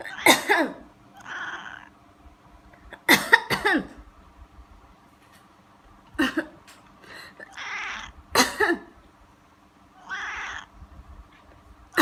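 Several short coughs from a person, each followed by a cat's angry hissing.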